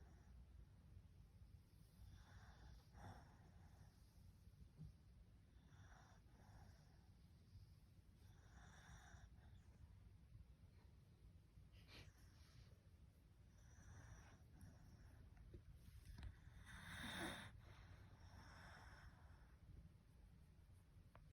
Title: Soothing Doggie Snores